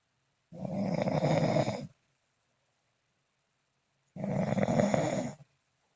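Two long, rough, rumbling snores about four seconds apart in a quiet room; snoring.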